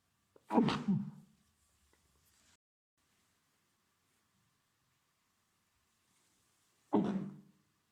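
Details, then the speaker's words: Two forceful explosive sneezes seconds apart in a quiet room, acted sneezing of a boyfriend with a head cold who denies being sick, sneezing into a blanket during a movie; sneezing. "also the sneezing continued he sneezed three times right into the blanket during the movie"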